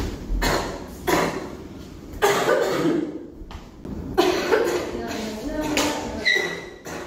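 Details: Girl with repeated short coughs mixed with throat clearing, indoors; coughing.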